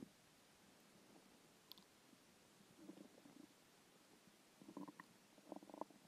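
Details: Hungry stomach after a skipped lunch: faint gurgling and bubbling rumbles in short bursts over a quiet hiss; hunger stomach growling, borborygmi.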